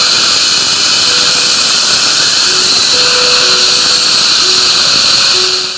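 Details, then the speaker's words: Steady high-pitched whine of a dental drill during a filling on a formerly nervous adult mother, sedated, soft background music; dental drill. "as for drilling well that's not a problem either"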